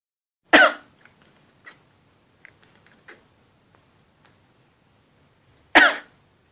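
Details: A person coughs and their Shiba Inu dog reacts as if annoyed, which the owner says it always does when they cough.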